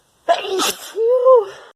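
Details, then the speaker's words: Single sharp sneeze, with an in-breath before and a voiced trailing sound after, during a sneezing fit the person attributes to allergy season starting and a tickling nose. "Can't stop sneezing. Cannot stop sneezing."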